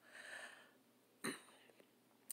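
A soft breathy intake, then a single short, sharp cough in a quiet room.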